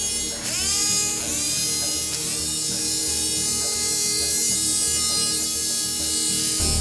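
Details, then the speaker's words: Powered surgical saw spinning up then holding steady, cutting a precise wedge of bone through scar tissue in a 35-year-old woman's bunion correction after multiple failed prior surgeries. "I'm gonna use a saw on this patient. I usually don't use a saw, but I have to make a very precise cut."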